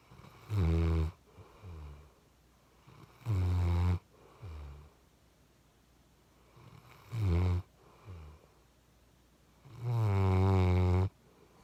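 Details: Snoring from a sleeping chocolate Labrador puppy, tired after a long walk: four loud, deep snores with softer breaths between, roughly 20 breaths a minute; ordinary snoring.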